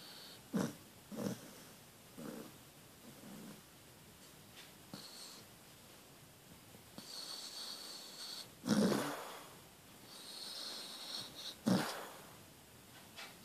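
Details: Bonnie, a sleeping dog, snoring: soft, irregular snorting breaths with short low rumbles on some breaths, over faint room noise.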